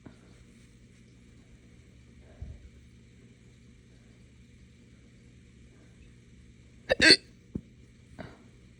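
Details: A few sharp, sudden hiccup-like bursts in a quiet room, one louder with a burp quality. Hiccups with belching from drinking morning coffee too fast on an empty stomach.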